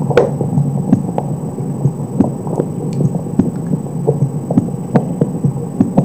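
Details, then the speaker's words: Normal heart sounds through a stethoscope at the mitral area: regular paired low thumps with distinct first and second heart sounds, no S3 and no murmur, with some rubbing and handling noise. "filmes dois primeiros são e segundo são bem visualizadas sem esse três sem O sopro alguns ruídos"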